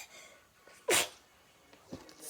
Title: Me singing black pink how you like That￼ I sneeze on accident I said sorry at last